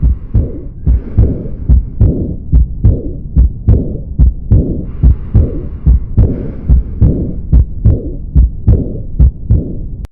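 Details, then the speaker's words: Aortic regurgitation, aortic valve failing to close so blood flows back from aorta to left ventricle: regular heartbeat about 72 a minute with a soft blowing diastolic murmur after the second sound. "karena katup aorta tidak dapat menutup dengan sempurna hal ini memungkinkan terjadinya aliran balik darah dari aorta ke ventrikel kiri sehingga akan terdengar murmur diastolik"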